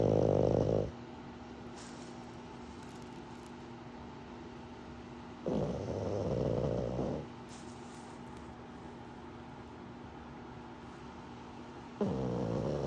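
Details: Pug snoring during REM sleep: regular low, throaty snores with quiet gaps, around ten breaths a minute, over a steady background hum.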